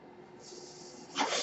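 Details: Mechanical ventilator breath cycle.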